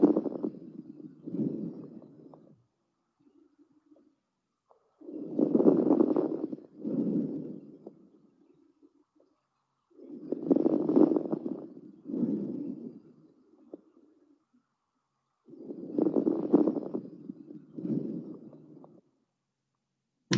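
Repeated breath cycles, about 12 a minute, each with a rustling in-breath and out-breath carrying faint crackling: fine crackles.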